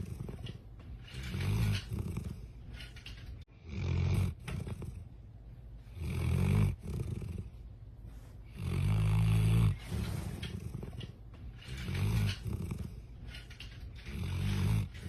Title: il ronfle comme un humain he snores like a human